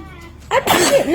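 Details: An infant girl, able to sit up, sneezes: a quiet lead-in, then an abrupt breathy burst with voiced sliding tones; adults say "bless you" between repeated sneezes.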